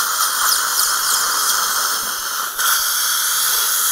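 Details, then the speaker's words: High-speed dental drill with a continuous high-pitched whine and hiss, briefly dipping in pitch under load, sectioning a horizontally impacted lower wisdom tooth during a surgical extraction in a live seminar demonstration. "이렇게 올려서 그냥 올려서 자르는 거는 뭐 그냥 부담없이 자르셔도 돼요 왜 어차피 안전하니까 그죠"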